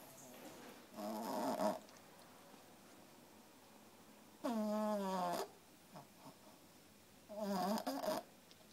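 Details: 3-month-old female French Bulldog puppy asleep, tired after playing all day: three loud, rattling inspiratory snores separated by quiet pauses, about 20 a minute: snoring.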